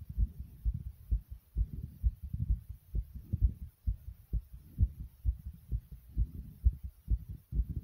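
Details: Own heartbeat recorded close to the chest: steady, regular, muffled low thumps, with the stomach growling partway through; heartbeat and stomach sound.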